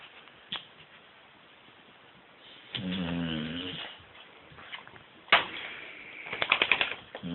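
Brief nasal snore-like breaths and snuffles from a sleeping puppy, with quiet gaps and some room noise.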